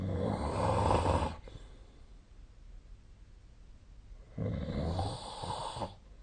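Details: Two long, loud, rattling snores separated by a quiet pause, recorded during sleep in a quiet room, dated 2025/02/25.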